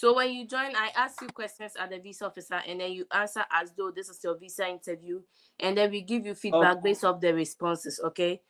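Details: Adult woman speaking; ordinary speech.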